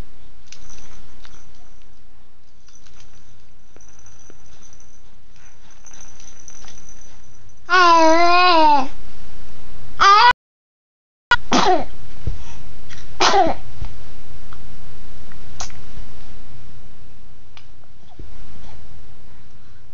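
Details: A few brief, sharp sneezes, fitting a small animal, with one wavering squeak over quiet room noise.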